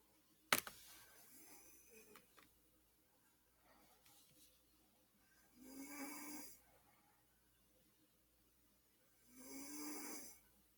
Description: This is asmr of my brother snoring.